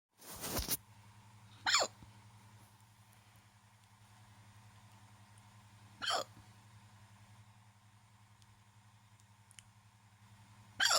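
Four sharp, brief hiccups spaced a few seconds apart over a steady low room hum.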